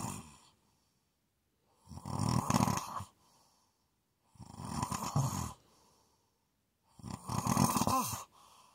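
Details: Three loud, rough, rattling inspiratory snores about every 2.5 seconds, separated by quiet pauses; snoring.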